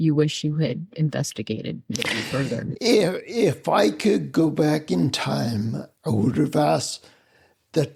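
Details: Adult man with spinocerebellar ataxia of unknown cause, slurred speech since around 1999, hard to understand on the phone, with mobility problems: ataxic dysarthria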